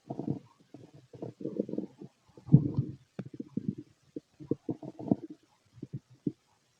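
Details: Low gurgling rumbles and bubbling bursts with brief quiet gaps from an empty stomach: stomach growling (bowel sounds); recording also contains a heartbeat later.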